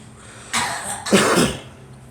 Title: Girl coughing